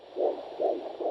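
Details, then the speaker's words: Fetal Doppler: soft rhythmic swishing pulses about two per second, a whooshing souffle from fetal vessels rather than the clicking fetal heartbeat or slow maternal vessel flow. "like a shoeful we call it then it's the fetal vessels. But if it is very slow that means it's a maternal vessel that's slow but also has a flow pattern."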